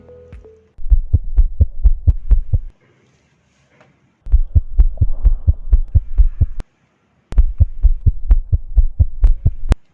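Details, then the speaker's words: Rapid, regular low-pitched heartbeats around 130 a minute in three bursts with pauses: normal newborn heart sounds auscultated with the stethoscope bell for low-pitched sounds during a newborn physical examination. "heart auscultate each area of the heart with a bell and with the diaphragm for low pitch sounds oscar takes the heart with the bell"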